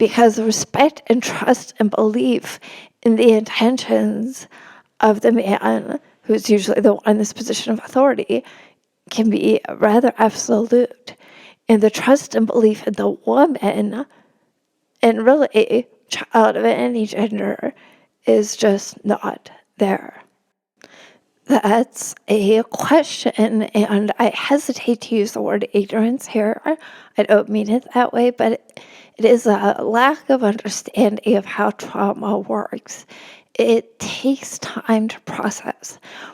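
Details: Woman, a religion reporter, who has spasmodic dysphonia; spasmodic dysphonia.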